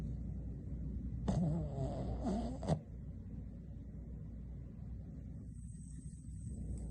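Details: Boston Terrier napping and snoring: one rough, fluttering snore of about one and a half seconds, then quiet breathing.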